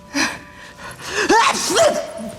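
Acted sneeze: a sharp intake of breath, then a loud voiced burst, in a staged drama scene.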